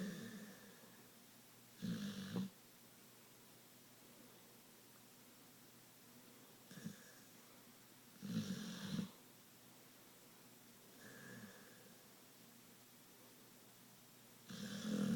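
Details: Pitbull dog snoring like crazy while asleep: rough, rattling snores with quieter breaths between, about one every six seconds.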